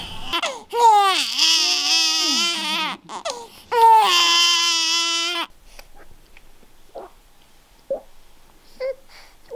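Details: One-year-old toddler crying: two loud, wailing cries, then quiet with a few soft sounds; ordinary crying.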